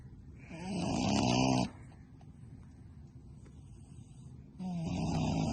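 Two loud, rattling snoring sounds separated by quiet breathing, from a small pig; snoring.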